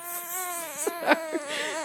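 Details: Girl with hiccups cries after someone blew in her face to stop them: a thin, high, wavering whimpering cry broken by a few brief catches.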